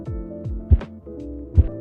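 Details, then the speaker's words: Manual sphygmomanometer demonstration, brachial artery, during cuff deflation: soft, dull low thumps over background music; Korotkoff sounds phase 4 (muffled). "in phase 4 a muffled sound is heard it sounds like this"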